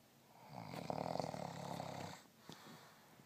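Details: Man snoring: one long, rough, fluttering snore on an in-breath, then quiet breathing in a small room.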